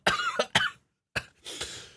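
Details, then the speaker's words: An adult podcast host reports feeling unwell for a couple of days with a suspected virus he has not had checked. He gives a short run of about four harsh, fairly dry coughs, then a long breathy exhale: an acute cough. "Sorry for the low sounding energy today. not feeling too good. I believe I caught like a virus the past couple of days."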